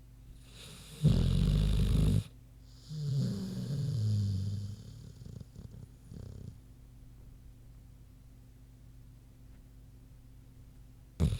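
A loud, harsh snore followed by low grunting breaths, then quiet and the start of another snore, from a sleeping pig.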